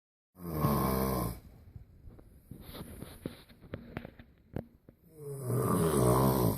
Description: World's loudest snoring!